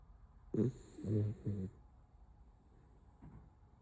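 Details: Sleeping puppy, apparently tired: three low, rough, rumbling breath sounds in quick succession, then a faint fourth; snoring.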